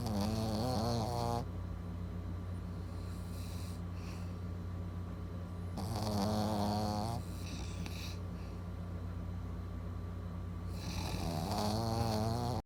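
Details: Puppy snoring while asleep.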